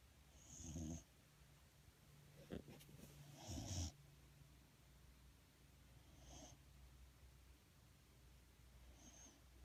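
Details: Snoring in a sleeping dog: soft, irregular snuffling snores against a low room hum.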